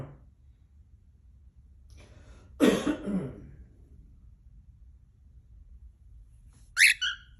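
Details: A single adult cough in a quiet room, then a pet cockatiel, which noticed the coughing and tried to give attention, answers with a brief whistle-like call.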